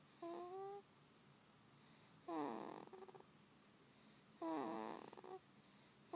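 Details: Soft, high-pitched rhythmic snoring from a sleeping baby, about three snores over six seconds, with quiet breathing between them; snoring.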